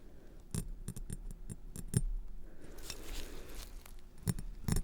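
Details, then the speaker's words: Sharp metallic clicks and scrapes with a brief rushing sound: role-play (simulated, ASMR) dental scaling of tartar during a routine check-up cleaning, not a real procedure. "They're looking pretty good here. Can tell that you're flossing regularly. Just a little bit of tartar that I am scraping off."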